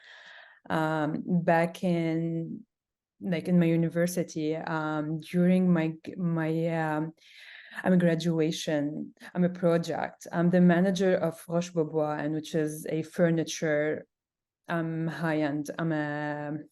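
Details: Adult who stutters and speaks Arabic, French and English. Stuttering.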